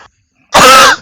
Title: cough.mp4